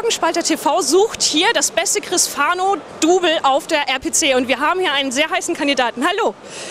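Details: Adult speaker, German; ordinary speech.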